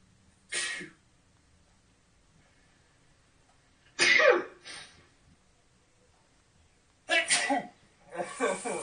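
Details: Two men sneezing repeatedly while playing a game, one joking he is allergic to it: four or five sharp, explosive sneezes spaced by quiet pauses.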